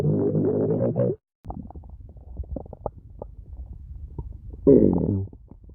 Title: stomach growls top 5